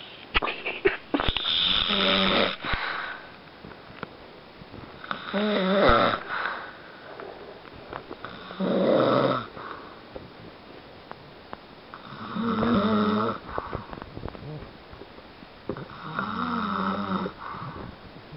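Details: An adult man (a father) snoring: loud, rough snores on each in-breath, about five in 18 seconds (roughly 16 breaths a minute), ordinary heavy snoring.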